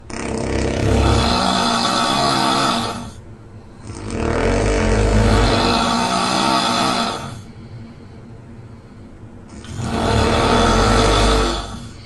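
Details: Simulated couple snoring (man and woman, recording made by the woman): loud, rough, rattling snores in three long bursts with quieter gaps, roughly every four to five seconds; heavy snoring.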